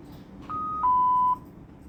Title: Sounds of the ICU: Alarms